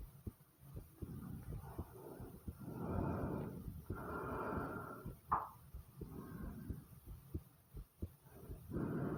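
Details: Rapid, regular pounding heartbeat of about two low thumps per second, with bursts of gurgling stomach/bowel sounds rising over it: a fast heartbeat with bowel sounds.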